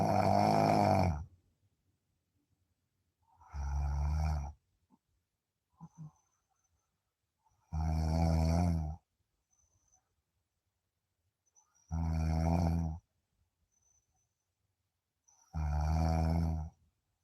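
Five deep, resonant droning snores on breathing in, with quiet pauses between, about 16 breaths a minute.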